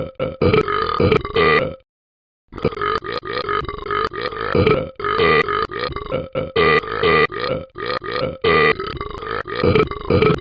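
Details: Repeated burping: a long run of loud belches in quick succession with brief pauses.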